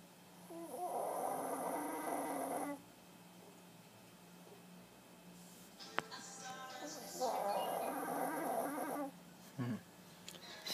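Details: Sleeping Shih Tzu snoring: two long, rough, fluttering snores about six seconds apart over faint steady room hum.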